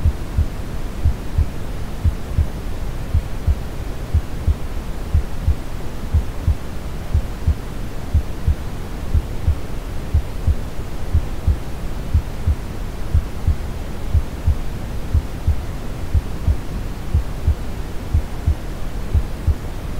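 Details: A steady, soft, low heartbeat at about 60 beats a minute, mixed with deep rushing brown noise, in a normal heartbeat recording.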